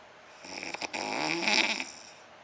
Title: funny man snoring...